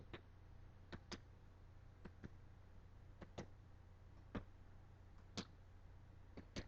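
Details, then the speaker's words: Adult practice assessment by a student FNP: finger percussion over the lung fields on the back; the note changes from resonance to dullness at the diaphragm, a normal, expected finding. "okay so right here this sound uh changeed to dullness which lets me know that I've did something solid and this Cas it's your diagram so we're okay nothing bad there good"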